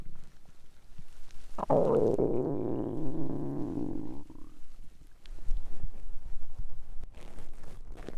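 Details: Stomach growling, mostly digestive rather than hunger sounds: a low rolling gurgle lasting a few seconds, then softer rumbles and clicks; ordinary bowel sounds.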